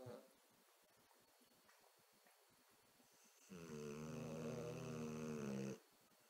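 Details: Ginger and Louie sleeping: faint room noise, then one long, steady, buzzing snore lasting about two seconds: snoring.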